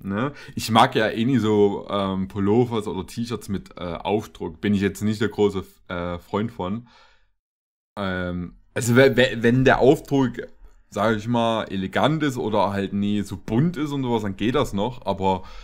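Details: Adult man; Plain speech.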